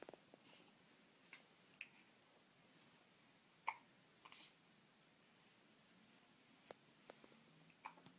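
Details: Infant on day 19: faint, quiet room with several soft, sudden catches a couple of seconds apart; hiccups.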